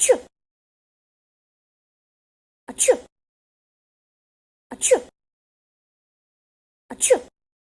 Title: 256000 Sneeze